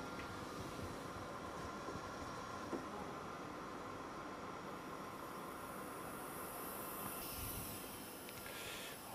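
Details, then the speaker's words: Steady loud rushing hiss of pure oxygen flowing into a CPAP valve connected to a mask, generating continuous positive airway pressure. "On connecte ensuite le gaz au dispositif, il s'agit dans notre cas d'oxygène pur."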